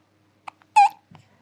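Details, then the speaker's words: A faint click, then a sudden high-pitched voiced squeak cut off sharply, and a soft low catch after it, from a young child who is also sweating; first recorded hiccups. "नोने, हिचकी आ रही है? हिचकी? आपको हिचकी आ रही है?"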